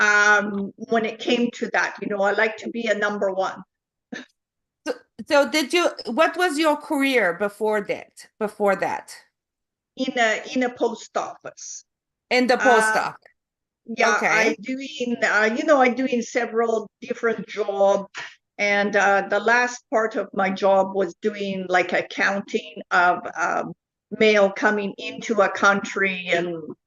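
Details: Adult woman with foreign accent syndrome since July 2010, diagnosed by a neurologist, accent shifting between Chinese, Irish, South African and Dutch-sounding; also memory, number and comprehension deficits; foreign accent syndrome.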